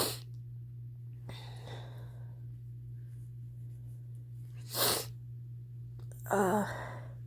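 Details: Person at the start of a cold, with a pounding head: two sharp, muffled, held-back bursts of air over a steady low hum; stifled sneezes.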